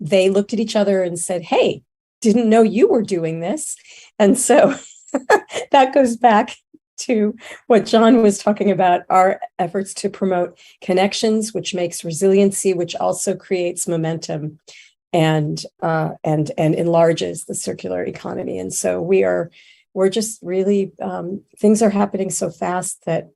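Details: Adult woman speaking; Normal voice.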